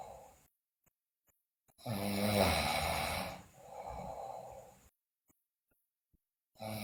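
A loud, harsh snore on the breath in, a softer breath out, then silence before the next snore.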